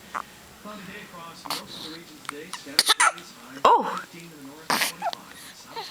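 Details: Several sharp, abrupt hiccup bursts from a two-week-old baby girl who squirms and gurgles; she hiccups daily, also did in the womb, and is hardly bothered. A soft adult voice talks in the background.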